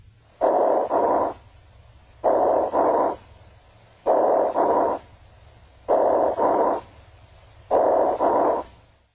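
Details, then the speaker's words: Five rapid breaths with low-pitched, rough snoring-quality sounds, longer and more musical than crackles, suggesting secretions in large airways; rhonchi. "Roni have a lower pitched snoring quality and suggest secretions in large airways."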